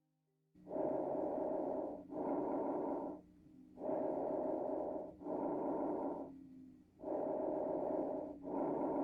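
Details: Normal bronchovesicular breath sounds on a chest auscultation demonstration that compares both sides of the chest at set auscultation points.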